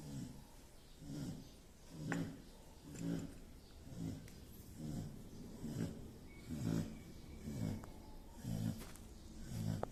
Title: Dog Snoring. Asong humihilik.